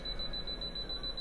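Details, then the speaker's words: Apex locator emitting rapid, high-pitched beeps during root canal treatment as the file reaches and passes the 0.0 apex reading. "when i'm touching the bow of the clamp i'm going to make sure that i get this beeping sound here"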